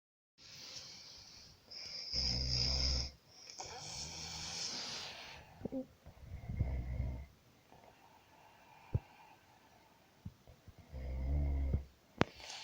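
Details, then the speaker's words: Sleeping adult snoring loudly while a partner tries to wake them: loud, rough rattling breaths with coarse vibration on breathing in, quieter breaths and small noises between; heavy snoring. "Amor, acorda, você tá roncando. Tá, tô dormindo. Mas você tá roncando muito, você tá parecendo um porco."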